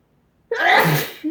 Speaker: It's tickling, it's really tickling. My eyes are watering, so if I'm black-eyed, excuse me.